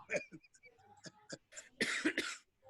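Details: Adult man still coughing with every effort. After brief speech, two harsh, breathy cough bursts in quick succession; cough.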